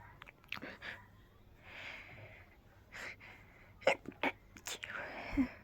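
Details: Person with a tickly, fast-coming urge to sneeze, in a quiet room: breathy in-breaths followed by several muffled, held-back bursts in quick succession. Stifled sneezes.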